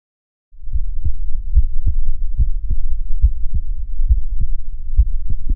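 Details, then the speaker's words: Normal heart sounds recorded by a person on their own chest with a DIY electronic stethoscope (stethoscope head with a microphone): steady paired S1 and S2 beats, about 70 a minute, over a low rumble. "we try to show that it's pretty simple and inexpensive to record your heartbeat sound to listen and even to view it"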